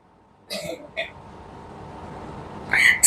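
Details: Adult woman leading a satsang, voice hoarse and feeling unwell overnight: a few short, harsh throat-clearing bursts and a brief cough amid speech, with quiet room noise.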